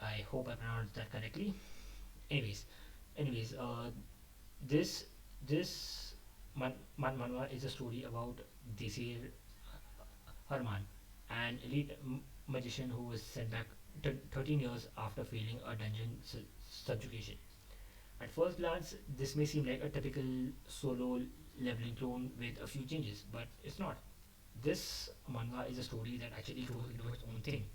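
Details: Adult male who describes himself as a stammerer, speaking off the cuff after abandoning a script, which he says increased his stammering; stuttering.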